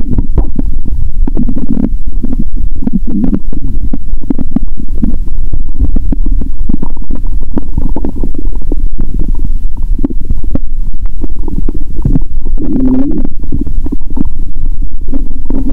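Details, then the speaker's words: Stomach sounds through a stethoscope after eating Mentos and drinking cola: loud, near-continuous gurgling and rumbling with frequent bubbling bursts, active bowel sounds. ""Let's hear the sound of the stomach ♪". The growl of my stomach is amazing."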